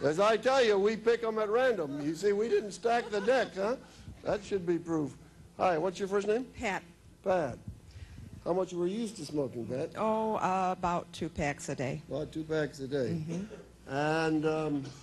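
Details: Adult male host interviewing another adult; ordinary speech.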